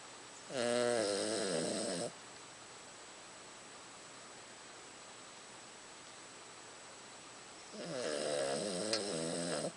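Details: Pet Charlie, freshly shaved for summer and wearing a jumper, snoring as usual: two long, rattling, buzzing snores about six seconds apart with quiet between; snoring.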